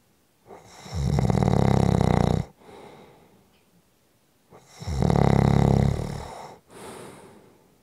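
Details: Snoring: two loud, low rattling snores on breathing in, each followed by a softer breath out.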